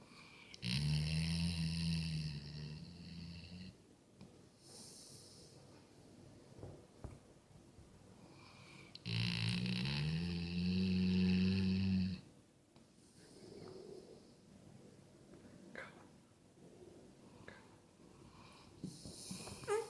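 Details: Sleeping Golden Retriever dog: two long, loud, low rattling snores on slow breaths with quiet breathing between them; snoring.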